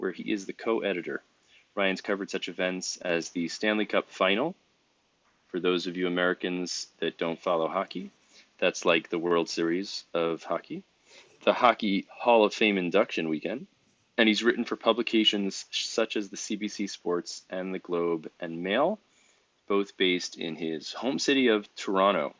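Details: Adult male speaker; Normal speech.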